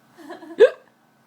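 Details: Woman who got hiccups after drinking wine for a while: soft voiced sounds, then one sudden, sharp, squeaky catch of breath, a single hiccup.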